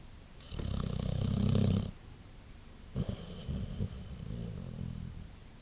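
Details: White Boxer dog sleeping after a long day: low rumbling snoring, one long rattling snore and then a softer one.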